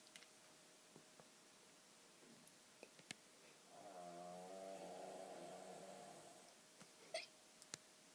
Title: hear my step dad snore